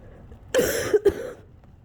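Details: Two harsh, noisy coughs in quick succession, with shaky breathing between coughs, from an adult with a cold for a couple of weeks, near the end of a nearly hour-long coughing fit.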